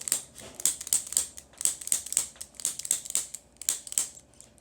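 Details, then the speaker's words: Rapid series of sharp, dry clicks, about one a second, from a spring-loaded activator instrument tapping along an adult man's spine to loosen it during a chiropractic session; areas described as stiff. "all right this is called an activator i use this just to kind of loosen up the spine"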